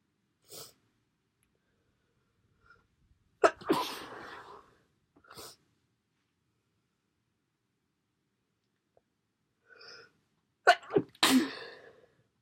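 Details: Person sneezing and blowing nose: two forceful sneezes, each after a short intake of breath, with sniffs between; sneezing.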